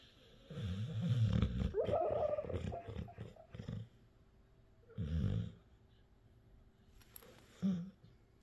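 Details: Resting dog's normal snoring: low, rattling bursts with one longer grumbling snore rising into a brief whine.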